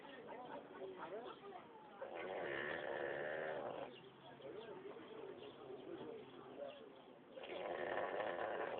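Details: A sleeping pig at a roadside mini-zoo gives two long, rumbling, rattling snoring breaths with softer grunts between them; snoring.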